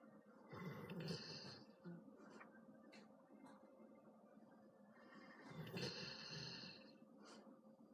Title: : Snoring